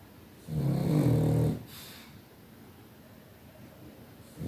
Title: Funny Pug snoring 😹 #shorts #ytshorts #funny #comedy #pug #dog #viral #youtubeshorts #video #snor